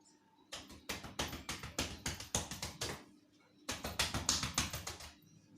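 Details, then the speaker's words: Simulated skills-lab chest physiotherapy on a 48-year-old male patient sitting with his back to the nurse to clear sputum: two runs of hollow rhythmic cupped-hand claps on the back, about 3–4 per second; chest percussion (clapping). "Hai Mbah saya akan menepuk punggung Bapak ya Pak maaf kalau terasa tidak nyaman"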